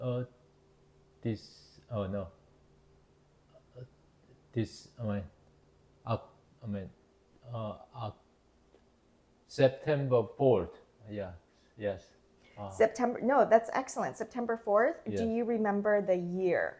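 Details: Adult male with Broca's (nonfluent, expressive) aphasia after a left-hemisphere ischemic stroke in September 2023, earlier global aphasia; halting, fragmented speech with word-finding difficulty: Broca's aphasia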